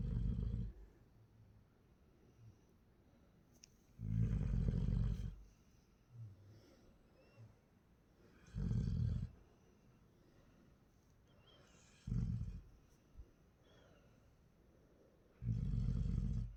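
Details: Child snoring while asleep at 2:47 a.m., lying turned over beside father; said to snore like this every night. Loud, low rumbling snores on each in-breath roughly every 3–4 seconds, with quiet pauses between.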